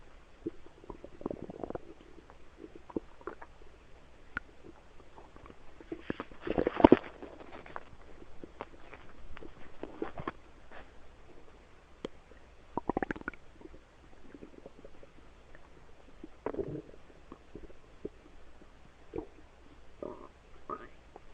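Quiet, scattered gurgles and a few brief louder bubbling rumbles from the belly; ordinary stomach noises.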